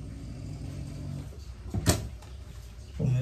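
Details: Low rumbling snoring from a pet dog resting nearby, faint under room noise with a brief knock midway: ordinary dog snoring.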